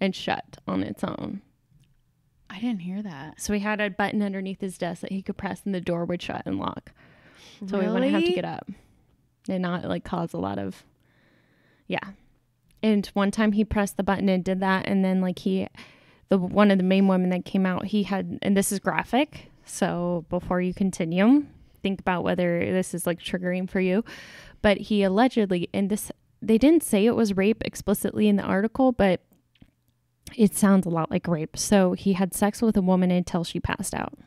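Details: Adult woman, conversational speech; no speech disorder.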